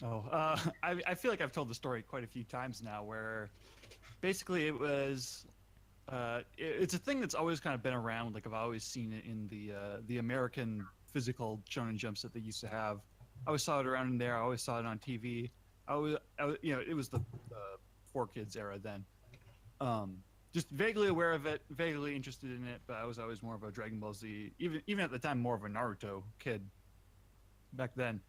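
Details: Adult male speaker; normal speech.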